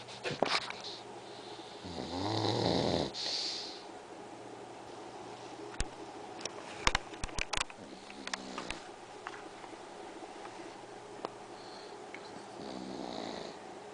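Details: Pug in various sleeping positions: snorting, rattling snores from a sleeping small flat-faced dog with scattered clicks and rustling; snoring.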